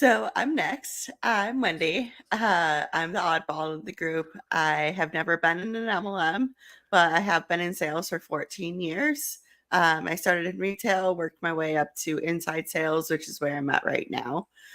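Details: Adult woman speaking; Normal speech.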